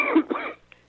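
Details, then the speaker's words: An adult man with pneumonia, heard over a phone line, gives two quick, harsh cough bursts in close succession. "You'll excuse me for coughing. Hey, that sounds good. Is that malaria, or is that... No, I have pneumonia."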